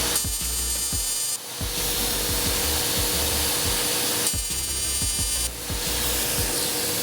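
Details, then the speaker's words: Lumenis UltraPulse fractional CO2 laser, DeepFX mode, firing deep pulses to resurface sun-damaged wrinkles of the chest and abdomen in a 35-year-old woman; steady loud device noise with a high whine and rapid irregular clicking pulses. "so I'll show you what that looks like you guys does it look like much on the surface but those are tiny little needles going all the way deep"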